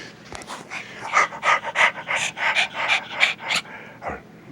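Rapid rhythmic breathy huffs, about three a second, from a dog; ordinary panting.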